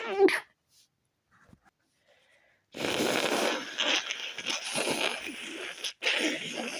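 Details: Stifled sneezing from a person with a tickly nose after leaving the windows open overnight: a sharp, muffled held-in burst, then quiet, then longer rough breathy bursts and sniffing.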